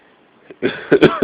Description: this is from when i had a cold a few weeks back and this was the start of the coughing fits but this was the worst it got